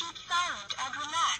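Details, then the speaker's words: Brief, thin, tinny synthetic voice prompt in English from a rechargeable upper-arm blood pressure monitor (cuff for 22–42 cm arms, worn at heart level) during a roughly 30-second measurement; the voice prompt can be switched off. "voilà, vous avez une voix qui est désactivable. Alors, ce sont des instructions qui ne sont qu'en anglais, donc d'un intérêt limité pour certaines personnes, mais on peut facilement la désactiver."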